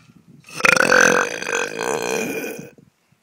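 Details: A single long, loud, rumbling belch lasting about two seconds; an ordinary burp (eructation).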